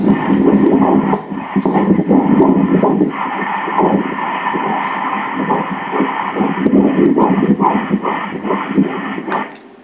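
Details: Doppler ultrasound of a 13-week dichorionic-diamniotic twin pregnancy, fetus B: rapid whooshing fetal heart pulses at about 144 beats a minute, a normal fetal heart rate.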